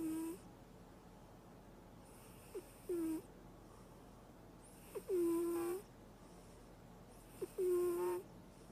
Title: Funny Cat Snores in sleep